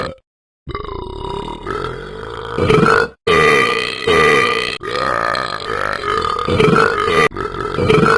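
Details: Excessive burping after one drink: a run of four or five long, low, rumbling burps, each separated by a short pause.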